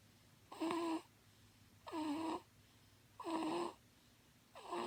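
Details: Person snoring: regular, rough, buzzing breaths about 45 a minute, each under a second, with quiet gaps between.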